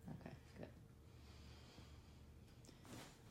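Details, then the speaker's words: Tourette syndrome vocal tics recorded at end of 2018 when tics worsened, shortly before hospitalization: abrupt snorting and breathy nasal bursts recurring without speech. "at the end of 2018 that's what my twitches really started to act up I had to go to the hospital and here's how they were back then"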